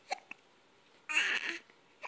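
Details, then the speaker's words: Hiccups in a smiling, happy baby boy: short, sharp hiccup sounds with a longer fussy vocal sound between them; the hiccups seem to make him mad. "Oh, you have hiccups. You're still smiling. You're still smiling. You have hiccups."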